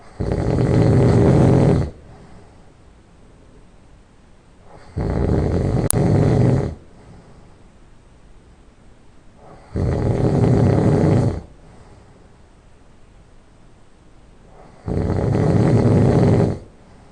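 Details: Loud nasal snoring just after falling asleep: four loud, rough snores about 5 seconds apart, roughly 12 breaths a minute, with quiet exhalations between.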